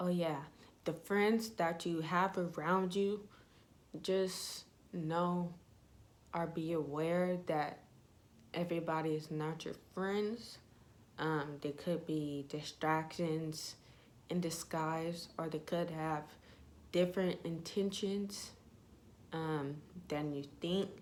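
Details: Young woman with ataxia (self-reported type 46), symptom onset in her junior and senior years of high school, with leg shaking, poor balance and twitching; she says her voice trembles whenever she talks; voice tremor in ataxia.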